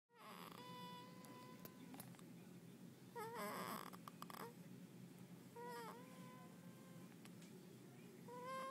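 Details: Newborn girl 24 hours old snoring softly with high nasal squeaks and whistles over a low rumbling breath noise.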